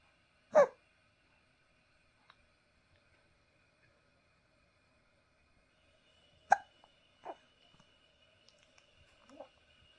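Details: Baby, who also hiccupped often in the womb, hiccupping; a few short, abrupt catching sounds spaced seconds apart in a quiet room; hiccups.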